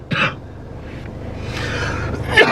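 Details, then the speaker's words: Adult man coughing while smoking cannabis (Pink Runtz), just over a cold: two short, harsh bursts with a long noisy exhalation between, over faint room noise. "I just came over the cold too I just over the cold bro [ __ ] can't talk in this [ __ ] on God yeah I'm trying to fight the cough"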